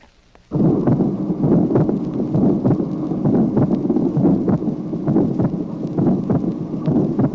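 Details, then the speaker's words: Vintage 1966 teaching recording of heart auscultation, tracing 16: atrial septal defect with rushing pulmonary ejection systolic murmur and split second sound; regular heartbeat near 66 a minute. "Tracé numéro 16. Communication interauriculaire. Souffle d'éjection pulmonaire. Dédoublement du deuxième bruit."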